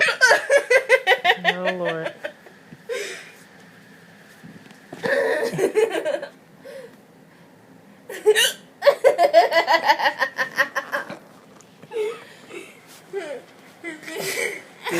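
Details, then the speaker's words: A girl with persistent hiccups while laughing, briefly choking, then told to hold her breath; repeated short voiced hiccup-like catches mixed with laughter and adult talk between bursts. "You went from hiccuping to choking. You alright? Good God. You look like what Stevie Wonder would look like if he had the hiccups."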